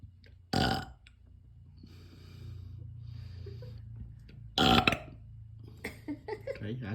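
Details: Baby boy burping: two short, loud burps a few seconds apart, over a low background hum and faint baby sounds.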